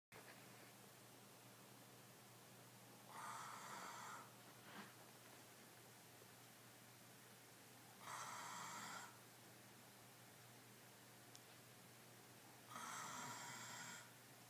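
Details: Doberman dog that snores whether awake or asleep, eyes open or closed: three hissing, rasping breath sounds about five seconds apart, roughly 12 a minute, over quiet room noise; snoring.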